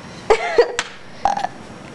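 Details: Two brief, low, rumbling burps from a woman in a small room; burping.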